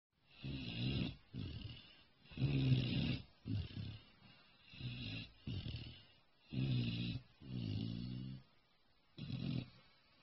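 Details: Low, vibrating snores with each breath in and out, about 15 breath sounds a minute, steady and unhurried; snoring during sleep.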